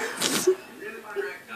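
A single sharp, hissing burst of air with a brief voiced cry at its end, then quiet breathing; a sneeze.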